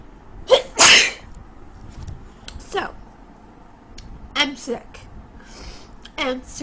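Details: Woman with a very bad cold who cannot breathe through her nose: several sharp sneezes in quick succession, then smaller sneezes, a sneezing fit. Sneezing.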